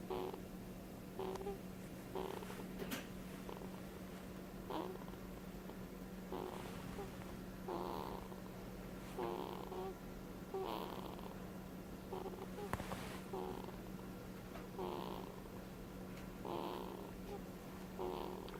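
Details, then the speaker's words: Baby snoring occasionally: soft, regular snoring sounds, a brief noisy breath every second or so, over a steady background hum. "him snoring. Isn't that snoring? I think so, yeah. What else would it be? Random baby noises?"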